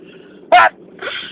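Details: A single sharp, explosive sneeze burst after quiet, followed by a softer breathy sound.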